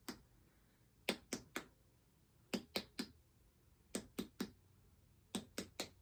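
Finger-percussion taps in sets of three over the abdomen, hollow tympanic notes shifting to a duller note at the liver border.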